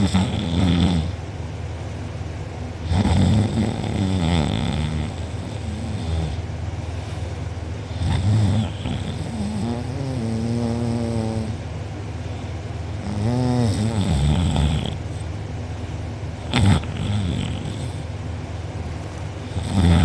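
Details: Dakota recorded asleep by sister, mouth open, drooling, sore uvula and soft palate afterward: loud, rough snoring with repeated rattling breaths, some with a fluttering buzz.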